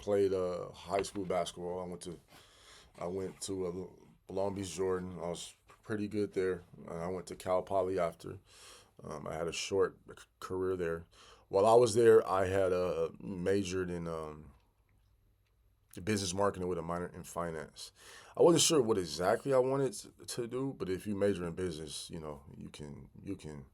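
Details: Adult man who stuttered as a child and still stutters 'big time', sometimes having to stop and regroup; stuttering.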